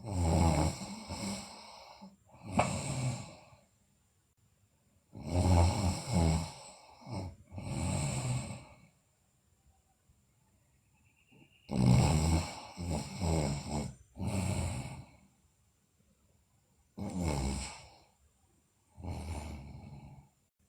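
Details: Loud, rough snoring breaths in irregular clusters with quiet pauses between, from a sleeping girl.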